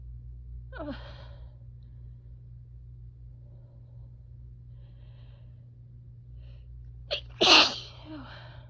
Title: Nose blowing + more sneezes after grass/chhinkni mistake